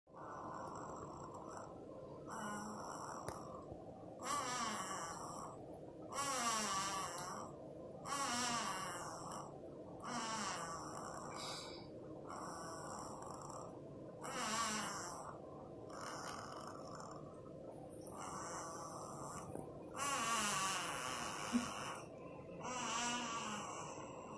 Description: My baby, now 2 yrs old, used to snore as a new born. Super cute!